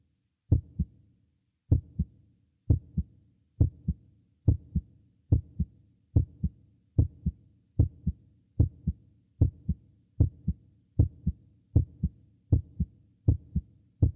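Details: Heartbeat sound effect: steady paired lub-dub thumps speeding up slightly to about 75 beats a minute.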